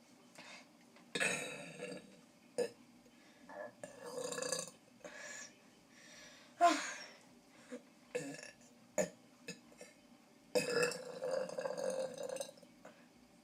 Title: Biggest burps part 4